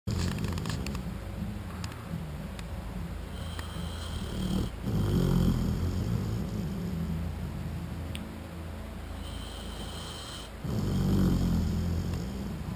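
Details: Low, rumbling snoring with repeated rattling breaths, louder bursts on some, from a sleeping American Bulldog, with light room noise; snoring.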